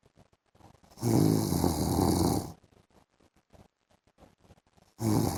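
Loud, long, harsh snores with soft breathing noises between them, in a quiet room. Snoring during sleep.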